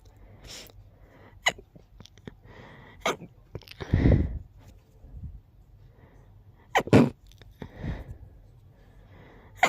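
A rapid run of stifled, half-suppressed sneezes with short breaths in between, in a quiet room: a sneezing fit.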